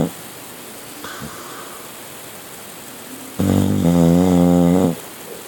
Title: Milton Snores...